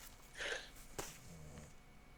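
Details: A sleeping dog, being dogsat, snoring: a single short, noisy snorting breath followed by a faint low rumble in a quiet room.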